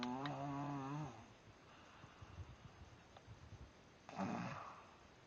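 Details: Man (Cole) who denies snoring, recorded asleep: loud buzzing snore on the breath in, a quiet pause, then the start of another rattling snore; snoring.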